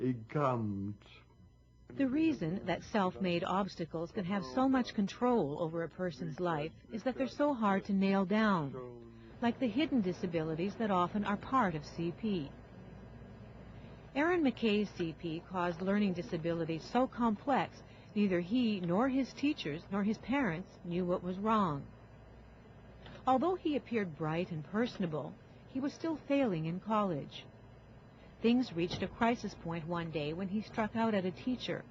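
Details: Adult female narrator; normal speech.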